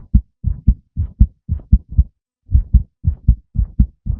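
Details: Male heartbeat: steady paired lub-dub thumps at roughly 110 beats a minute, with a brief gap midway.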